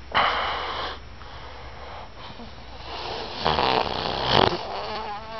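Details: Person sleeping the first night after a long drive, tired; rough, rattling snores on breathing in with quieter breathing between, over steady room hum; snoring.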